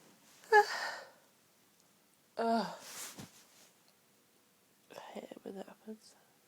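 Two voiced sneezes with sharp in-breaths, followed by a few soft sniffing, breathy sounds; repeated sneezing.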